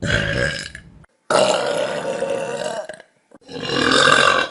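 Three loud, prolonged, rumbling belches in quick succession, separated by brief silences; deliberate burping.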